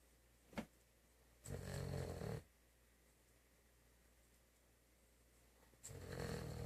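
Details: German Shepherd dog snoring: low, rumbling snores on inhalation, separated by quiet pauses in a calm room.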